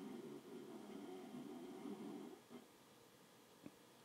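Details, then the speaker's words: Very loud snoring from a person in the background: snoring. "you hear snoring oh my god that was so loud"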